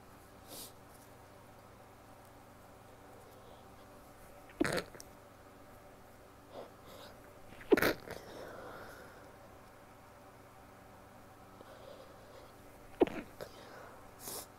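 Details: Four or five short, muffled sneeze bursts over about fifteen seconds in a quiet room from a female: stifled sneezes, held back with the mouth closed.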